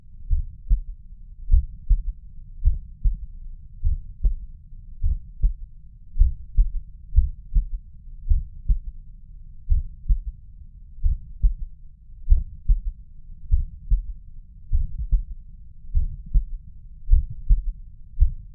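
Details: Stethoscope at the mitral area: a low, regular heartbeat with a faint extra soft thud after the second sound; third heart sound (S3).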